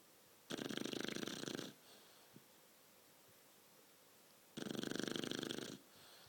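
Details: 12-week-old shar-pei puppy asleep after a long walk: two long, fluttering, rattling inhalations about four seconds apart, quiet between, roughly 15 breaths a minute; snoring.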